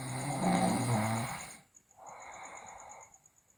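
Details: Sleeping girl snoring loudly, with teeth grinding and delirious talk also noted: a loud, rough snore on breathing in, then a softer, airy breath out.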